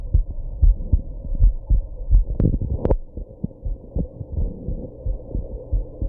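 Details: Heartbeat after drinking alcohol and smoking: regular low thumps at about 78 a minute, with a few sharper jolting sounds near the middle that fit hiccups; heartbeat with hiccups.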